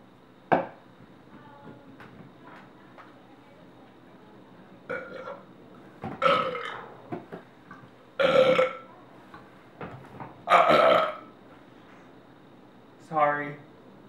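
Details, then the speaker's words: Burp audition: series of loud drawn-out burps, about five over fourteen seconds, with quiet room noise between; burping. "it is called a coca-cola at a staggering 140 calories this is what I'll be using to burp this afternoon"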